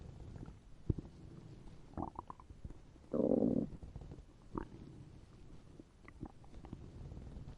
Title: POV: Bumblebee comforts you, forgot to eat today and makes you listen to his stomach growling